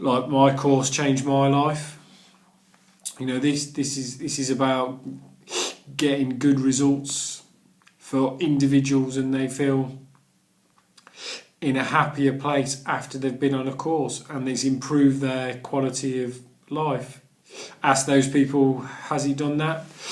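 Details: Adult man who stammers and has done the Starfish Project stammering course; word and phrase repetitions; stuttering.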